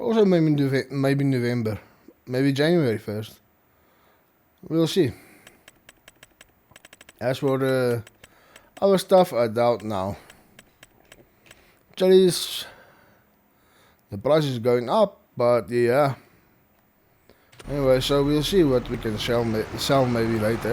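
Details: Man with stuttering, which he reports is worse than usual after a triple ear infection over the last two weeks.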